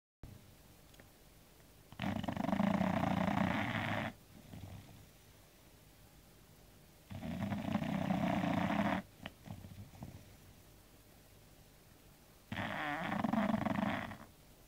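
Long, loud, rattling snores on each breath with quieter exhalations, about 12 breaths a minute, from a sleeping bulldog.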